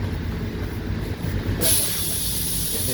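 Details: Nebulizer kit on a Dr. Care home oxygen concentrator being demonstrated: a low machine hum, then a steady airy hiss starts partway through as the nebulizer begins running normally.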